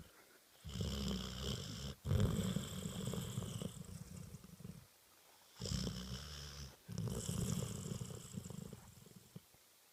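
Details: Spaniel puppy napping: two long, rumbling snores, each with a brief catch partway through, separated by quiet pauses; ordinary sleep snoring.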